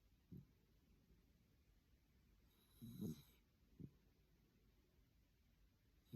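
Three low, rough snorting breath sounds against quiet room noise: snoring in a small dog.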